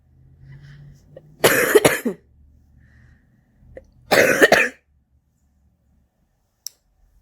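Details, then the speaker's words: Adult coughing while lighting a cigarette: two harsh, rattly coughing bursts; smoker's cough from cigarette use. "works okay I'm lighting my cigarette get rid of this cough what a fantastic smoker's cough you have why thank you"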